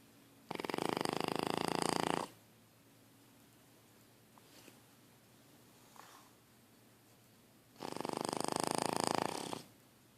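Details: Sleeping dog with two loud, rattling snores about six seconds apart and quiet breathing between; snoring.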